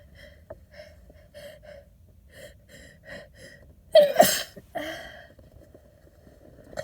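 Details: Adult with a cold, sick, sneezing in a parked car after a nose tickle while driving: several whistly catching in-breaths build to one loud, wet, explosive sneeze, then a sniffly breath.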